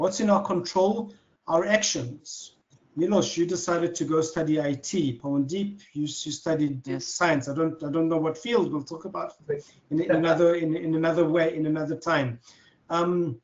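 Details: Adult man who has stuttered since childhood, speaking in conversation with audible part-word and word repetitions; stuttering.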